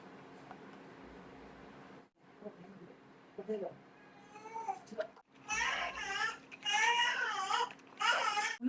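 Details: Newborn baby boy crying at night while formula milk is being prepared: quiet room noise, then bursts of high, wavering crying that grow louder.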